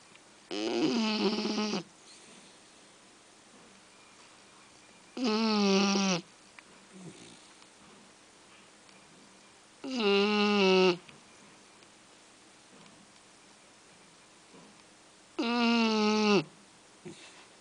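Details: Shar-pei puppy snoring in sleep on one of her quieter days: loud, whistling snores with a squeaky tone, about 12 a minute with quiet pauses between.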